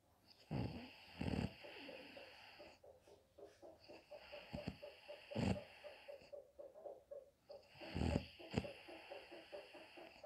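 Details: Mother napping in the daytime, snoring: low, rattling snores every few seconds over steady background hum and repetitive bird-like chirping; ordinary snoring.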